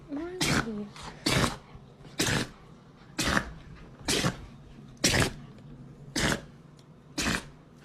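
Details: Healthy dog in a sneezing fit of 34 sneezes in a row; heard as a run of about eight rapid, forceful sneezes, roughly one a second, with faint background whining.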